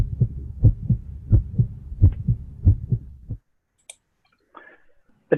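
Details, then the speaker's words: Heartbeat recorded in water and shown with cymatics: low thudding beats at roughly 85 to 90 per minute for about three seconds, then near silence; heartbeat. "is such a nice video about a heartbeat which is recorded and it's it's recorded way too signals which is sending out every heartbeat and you can see the difference in the patterns"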